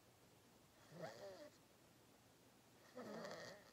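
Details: Two quiet, rattling breaths about two seconds apart against room hiss during a long, deep nap; soft snoring in sleep.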